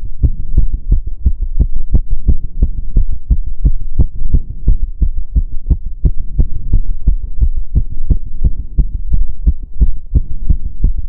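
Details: Own heart sounds recorded during step-up exercise: rapid, regular low thumping, roughly 175 thumps a minute, possibly about 90 beats a minute if sounds are paired; fast heart rate from exertion.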